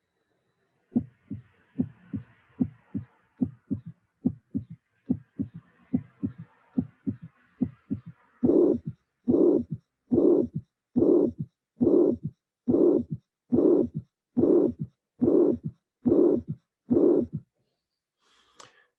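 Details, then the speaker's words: Mitral regurgitation murmur with a third heart sound, regular rhythm about 71/min: crisp thumps, then long blowing murmur filling each beat; teaching recording replayed for eyes-closed listening after viewing the phonocardiogram. "so now let's do the same thing with eyes closed"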